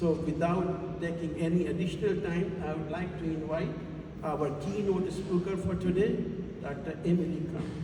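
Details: Adult man speaking; normal voice.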